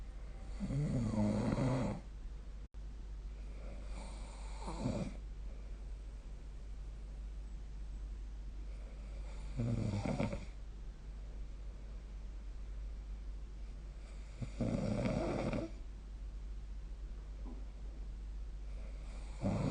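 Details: Snoring recorded during sleep with the SnoreLab phone app: low, rattling snores recurring about every five seconds, roughly 12 breaths a minute.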